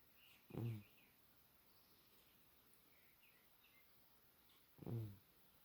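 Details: Cat snoring during sleep: two short, low, rattling snores about four seconds apart over quiet room noise.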